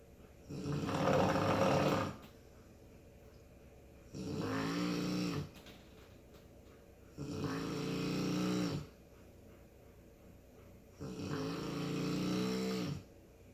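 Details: Dog snoring in sleep: loud, rumbling snores on each in-breath, about four in the stretch, roughly 18 a minute.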